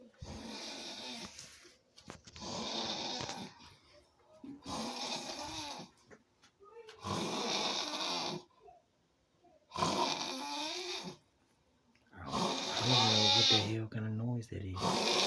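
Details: Loud, rattling snores on each breath in, about six over fifteen seconds, with quiet pauses between; ordinary snoring.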